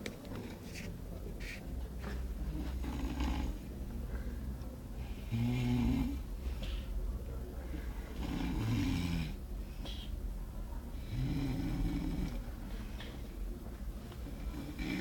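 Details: Snoring loudly while being face-bummed: loud, rough, low rattling breaths through the nose and throat, repeating unevenly over steady room noise.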